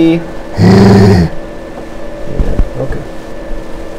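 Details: Sustained "he" during videostroboscopy before surgery, after radiation and tumor surgery, from a patient with right unilateral vocal fold paralysis caused by skull-base chondrosarcoma compressing the nerve; voice in unilateral vocal fold paralysis.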